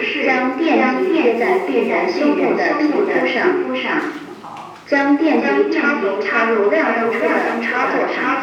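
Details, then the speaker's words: Recorded spoken instructions from a training AED (automated external defibrillator), heard just after it is switched on during CPR practice in a first aid class. "ها هو جهاز الإنعاش القلبي الرئوي الآلي (AED) . افتحه. تشغيل. شغّله، شغّله. حسنًا، افعل ما يقوله."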